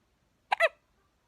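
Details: Two-week-old baby boy with persistent hiccups: one short, squeaky double catch in a quiet room, a single infant hiccup.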